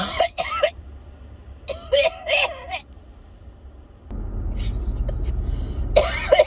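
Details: Repeated short harsh coughs in clusters with throat clearing, then road noise and more coughing, from a person who cannot shake a lingering cough; cough.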